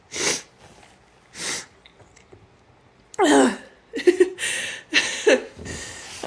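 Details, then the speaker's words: Acted sneezing fit from bad allergies: quick indrawn breaths followed by a run of about five forceful sneezes in close succession. "oh that was weird sneeze like oh goodness oh my allergies are so bad bad today"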